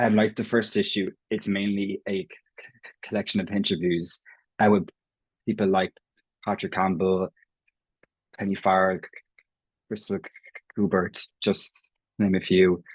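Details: Stuttering (stammering) in an Irish adult man who has stammered as long as he can remember; his own speech features prolongations, repetitions and blocks; genuine, unconcealed stammering in conversational speech.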